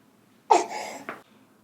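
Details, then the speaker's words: Febrile infant (103°F), with a partially treated ear infection, clear lungs, and oxygen 97% on room air: harsh, raspy inspiratory stridor from upper-airway narrowing and swelling in croup, unlike expiratory wheeze. "this on inspiration like we're hearing that's that's croup contrast that with wheezing which is an expiratory squeak"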